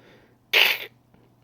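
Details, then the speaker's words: Human imitation of kennel cough in 8–12-week-old puppies, described as a sneeze-like, backwards-sounding cough that owners should report immediately. "or you hear like a and then you go to your spouse you go to your family did did somebody hear something did somebody hear the puppy sneeze uh was that like a backwards like cough you know um if you hear that you need to let us know immediately"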